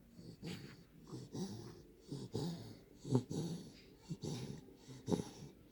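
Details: Nine-week-old Daniff puppy snoring: fast, snuffly, rattling breaths in quick bursts with short squeaky snorts.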